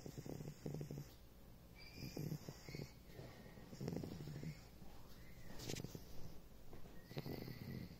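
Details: Snoring from a young bottle-fed lamb napping after much bouncing: tiny snores.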